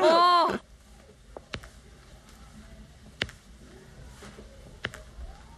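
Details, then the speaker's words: The doctor's own painless knee gives a popping "ttuk" sound from normal pressure changes; normal knee popping (physiological crepitus). "정상적으로 우리 압력의 변화로 나는 소리니까 이 소리는 걱정하실 필요 없습니다."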